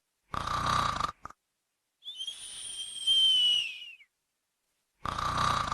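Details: Simulated sound-effect snoring: a rough rattling inhalation and a high whistling exhalation, repeating about every five seconds; snoring.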